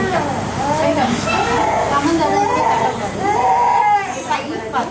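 Strained, wavering infant cries and whimpers over a nearby adult voice, a baby crying while waking from general anaesthesia.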